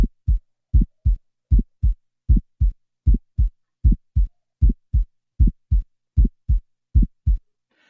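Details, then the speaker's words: Teaching recording on heart sounds: regular paired sounds at about 77 beats a minute with a high-pitched, intense click after the first sound in systole from semilunar valve opening, more common in aortic and pulmonary stenosis; systolic ejection click. "é um som agudo de alta frequência intenso por abertura das válvulas semi lunares pulmonar e aórtica"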